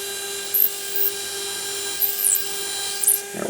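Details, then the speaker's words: Osteotomy drilling in the anterior mandible, apparently on a model jaw, for narrow-diameter Saturno over-denture implants. A steady high-pitched drill whine with brief louder grinding as the bit is pumped up and down to full depth. "pumping up and down until I've reached my full implant osteotomy depth pumping up and down and up and down"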